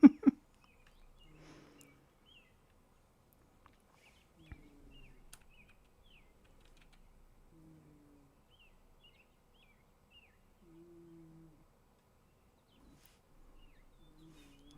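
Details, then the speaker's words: Sleeping cat makes faint, soft low-pitched snores about every three seconds, roughly 19 breaths a minute, with quiet bird chirps behind: snoring. "Jammy Dodgers is doing a good snore."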